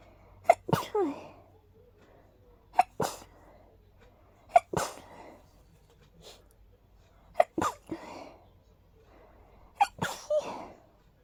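A run of five sneezes, each with a quick intake then a sharp burst; a hay fever sneezing fit.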